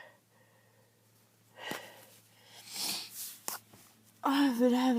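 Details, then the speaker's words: Sneeze during a bad chest cold after a long struggle to sneeze: quiet breathy build-up with sharp catches, then a sneeze burst and a voiced sound. "been having to sneeze all day. Oh, thank God."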